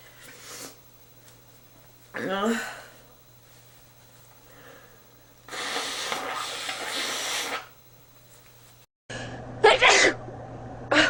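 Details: Male: a forceful sneeze with a sharp inward catch, then a long blast of nose blowing and another burst, with faint room noise; sneeze.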